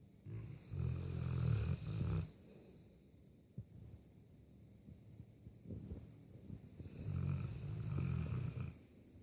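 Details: Two Boerboel dogs fast asleep on their beds in the lounge: deep, low rumbling snores with each breath in, quieter breathing between; snoring.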